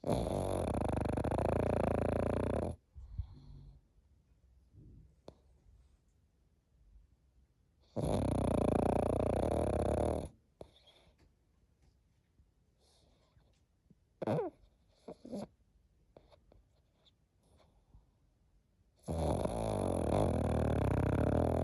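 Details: A sleeping pug gives long, loud, buzzing snores of about two to three seconds each, separated by quiet pauses with faint snuffles: a flat-faced dog snoring.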